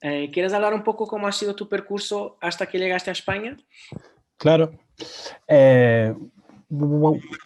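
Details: Adult speaker, Spanish conversation; no speech disorder.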